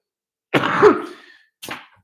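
Two harsh coughs, the first long, rough and gurgling, the second short; a productive cough with chest congestion.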